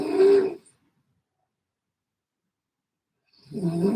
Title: At 11PM I had Funny Noise snoring. 😴😅😂🤣🥹